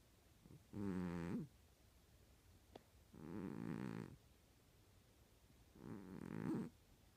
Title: Snoring cat